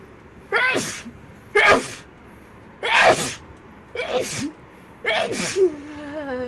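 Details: Girl sneezing rapidly: five sneezes in quick succession, each a sharp voiced intake and explosive burst about a second apart; repeated sneezing.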